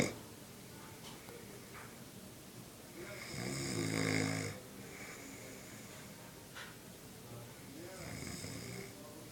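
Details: Rattling, buzzing snore sounds with breathing, loudest near the middle, with room noise throughout; loud snoring.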